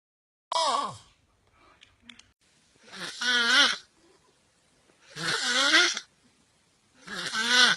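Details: Loud, rough, rattling, groaning snoring during sleep in a person, four breaths about two seconds apart with quiet gaps between; snoring.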